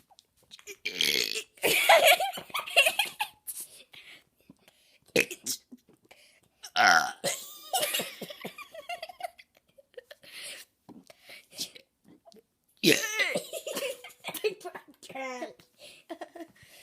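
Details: Girl deliberately burping the alphabet and counting: long voiced belches shaped into letters and numbers, broken up by giggling and laughter.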